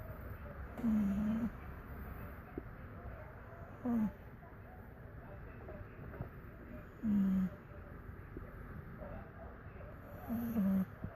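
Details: Pocket bully pup snoring: four low rattling snores at uneven intervals, about 18 a minute, over a steady background hum.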